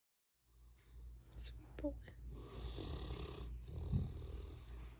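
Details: Loud snoring from a sleeping English Mastiff dog: deep rumbling snore with a long rough breath drawn through the nose and throat.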